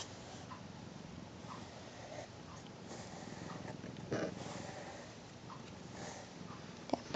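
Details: Quiet, rough snoring from a sleeping fluffy Persian cat curled in a small box, with soft snuffling breaths about every two seconds.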